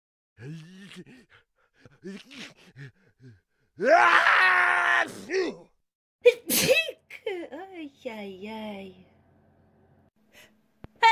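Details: Sneezing sound effect: voiced catching breaths build into a loud, explosive sneeze, followed by a second sharp burst and trailing vocal sounds.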